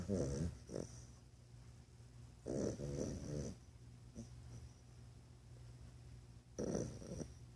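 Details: Three rattling snore bursts from a sleeping female dog napping at her owner's workplace, spaced a few seconds apart, over a steady low room hum: ordinary snoring.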